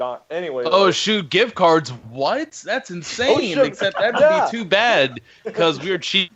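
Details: Adult speaker; normal speech.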